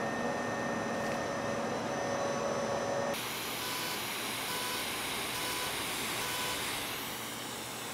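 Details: Constant loud rushing whine with steady tones that shift partway through: smoke evacuator and UltraPulse fractional CO2 laser running during facial skin resurfacing for fine lines and wrinkles, after dental-block numbing.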